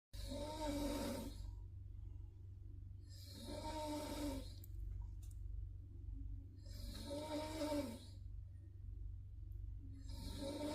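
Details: Person snoring, told they snore too much: loud rasping snores about every four seconds over a steady low hum, roughly 18 a minute; ordinary snoring.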